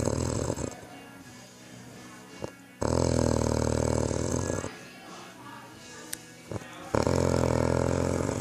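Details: Loud, harsh, rattling snores from a man in long bursts separated by quieter breathing; heavy snoring.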